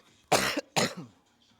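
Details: Two short, harsh coughs in quick succession from an adult resting between leg exercise sets at the gym, with a quiet room behind them.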